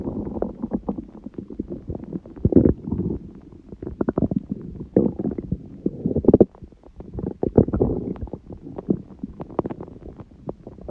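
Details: Irregular low belly gurgles and rumbles, some bubbling, some drawn-out, recorded at 1:30 am after waking, six hours after overeating udon at 19:30; owner suspects gluten; borborygmi.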